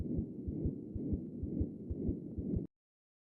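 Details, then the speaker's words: Simulated heartbeat with a steady high-frequency murmur continuing through the second sound without a gap: continuous murmur of patent ductus arteriosus. "Note that the murmur continues through the second sound and is high frequency."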